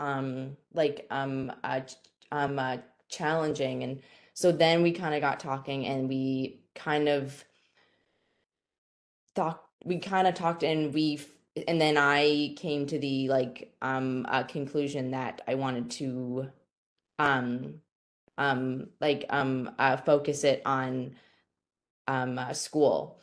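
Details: Stuttering in a female student who stutters, says presenting and talking to unfamiliar people can cause anxiety, and was very quiet in school.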